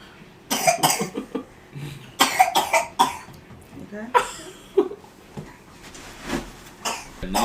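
A run of short, harsh coughing bursts mixed with throat-clearing sounds over nearby chatter: coughing.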